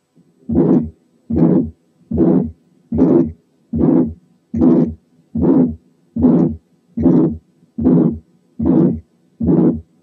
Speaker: ايه دي؟ برضو ايجكشن، وان كانت اطول شوية من اللي فاتت.